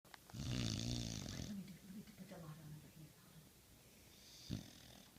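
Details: Snoring from a Pit Bull dog: a loud, rattling snore on the in-breath, then quieter snuffling breathing and a short snort.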